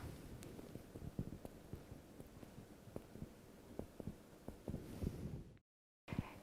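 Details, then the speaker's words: Chest percussion, with fingers placed between the ribs and tapped by the other hand and compared on both sides: a series of soft, hollow taps giving a normal resonant note. "pour réaliser la percussion thoracique nous posons les doigts entre les côtes du patient et avec l'autre main nous venons percuté nos doigts percussions doit être bilatéral afin de comparer les sons"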